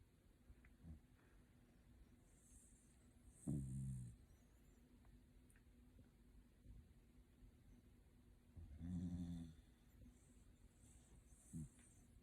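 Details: A Shiba Inu dog, sleeping comfortably, gives two low rumbling snores about six seconds apart, with faint breathing between over quiet room noise; snoring.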